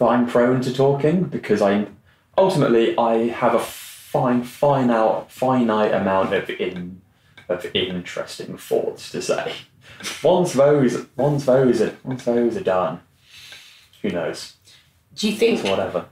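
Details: Adult male, 26, who has stammered since childhood; stuttering (stammering).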